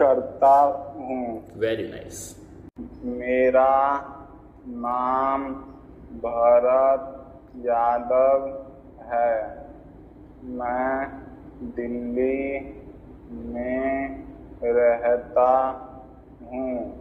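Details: Male client of an online stammering therapy programme introducing himself, shown as a treatment result, with long stretches for few words suggesting prolonged or blocked speech: stammering.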